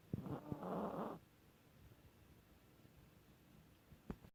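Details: A Chihuahua gives one harsh, raspy, pitched breath lasting about a second, then near silence; wheezing.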